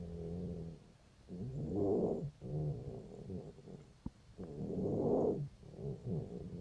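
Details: Cat 5 days after laryngeal tie-back surgery with a breathing problem: harsh, snoring-like stertorous noise on each breath, around 19 a minute, noisy upper airway breathing while being soothed.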